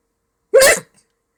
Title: Hilarious Hiccups